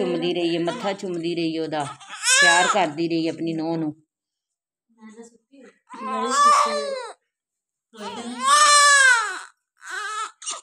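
Repeated loud, high-pitched crying bursts with pauses between them, from a newborn after a normal delivery; a vigorous cry.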